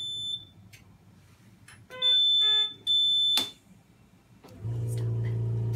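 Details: Puritan Bennett 840 ventilator finishing its short self test (SST) before patient connection: steady electronic alarm tones and a chime, then a lower hum as the test completes and passes; normal machine alarm.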